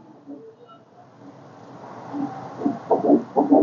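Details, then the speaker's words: Early pregnancy with yolk sac and fetal pole seen, heartbeat shown on colour Doppler ultrasound: quiet machine hum, then rapid rhythmic Doppler whooshes near 130 a minute, a normal fetal heartbeat (normal range 100 to 180). "আমরা heartbeat দেখতে পাচ্ছি, এবং এই heartbeat normal."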